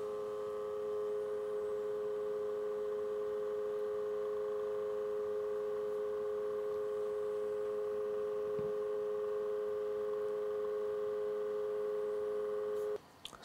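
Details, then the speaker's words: GemoDin-AKSMA automatic oscillometric blood pressure monitor, started from its mobile app: a steady humming pump drone as the cuff inflates, then stopping abruptly during the measurement. "давайте попробуем померить через мобильное приложение нажимаем старт пошло измерение постараюсь не говорить"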